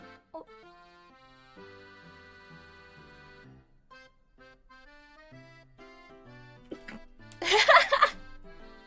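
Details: Single sudden loud sneeze near the end, heard over background music.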